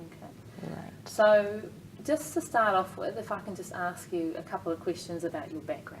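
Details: Adult female interviewer; normal fluent speech.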